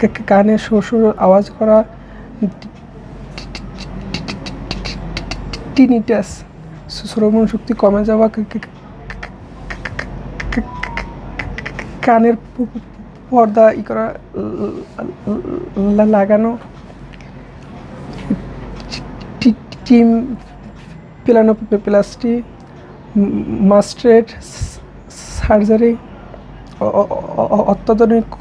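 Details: Young adult male with stuttering, reporting his words get stuck and won't come out properly, reading a text aloud at an ENT clinic; treatment discussed includes speech therapy, cognitive behavioural therapy and electronic devices; stuttering.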